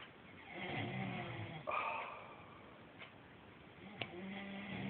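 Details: Snoring during sleep: soft, low snoring breaths with a couple of sharp clicks in between, over background noise.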